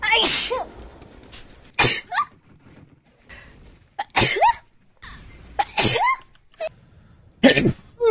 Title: vtuber sneezes